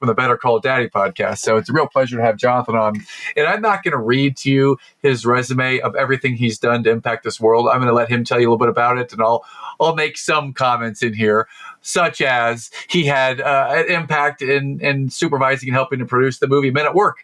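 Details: Adult male speaker; Normal speech.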